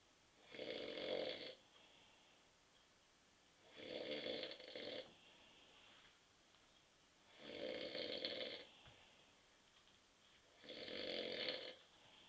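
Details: Adult man snoring asleep on a sofa at night after drinking many beers: four steady rasping snores about every three and a half seconds, roughly 17 breaths a minute.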